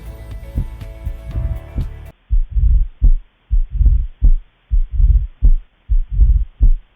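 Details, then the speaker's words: Mitral stenosis at the apex, bell held tightly, patient in left lateral position in expiration: slow heartbeat with loud sharp first sound and low-pitched rumbling mid-diastolic murmur louder at end of diastole. "rumbling mid-diastolic murmur loud first heart sound is a typical finding of mitral stenosis murmur best hurt in apex and becomes louder in at the end of the diastole"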